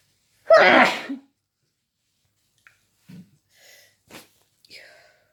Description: I'm feeling a bit sick and just woke up in the middle of the night sneezing like crazy!